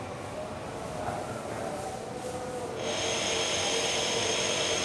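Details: Nebulizer therapy nursing procedure demonstration on an adult male patient instructed to inhale slowly: steady mechanical hum and hiss of the nebulizer compressor turning liquid medication into inhaled mist, used for breathing disorders like asthma and COPD.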